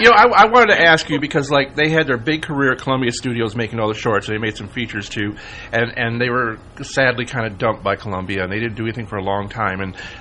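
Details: Adult man speaking; ordinary speech.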